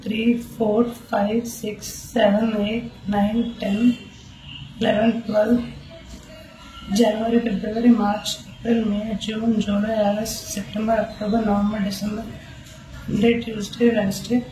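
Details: 28-year-old man with normal secondary sexual characteristics, normal hormones and normal vocal cord structure, before voice surgery, speaking with a persistent high-pitched voice; puberphonia (mutational falsetto).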